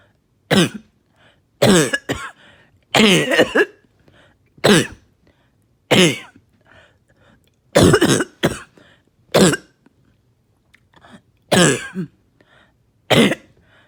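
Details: Productive coughing fit after taking medication: about ten harsh, wet coughs with rattling and throat-clearing between them as really thick mucus breaks up and comes out.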